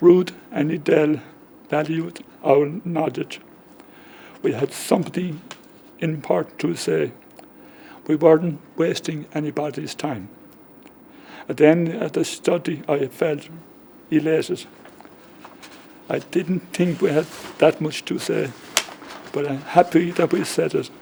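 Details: Man with post-stroke aphasia from a stroke 10 years ago, just before his 55th birthday, affecting talking, reading, writing and spelling; comprehension is preserved but he has difficulty getting words out; aphasia.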